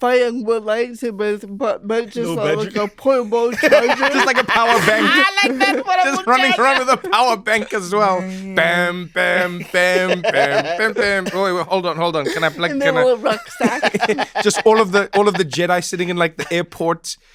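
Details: Adult man in conversation; typical speech.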